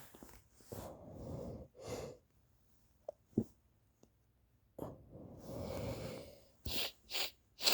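Indrawn breaths followed by sneezes, with sniffs and a quick series of sneezes at the end; repeated sneezing with a cold.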